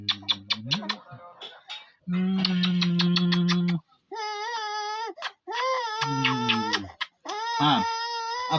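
A child cries in drawn-out wails broken by short sobbing catches and gasps between them.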